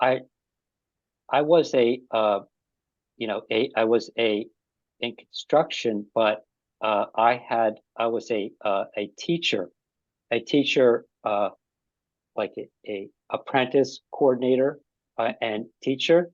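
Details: Adult with aphasia after an ischemic stroke; aphasia.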